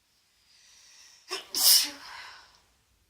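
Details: Sneezing in a congested woman on day 2 of a head cold, after a bath. A soft indrawn breath and a brief catch lead to one forceful hissing sneeze, then a breathy exhale.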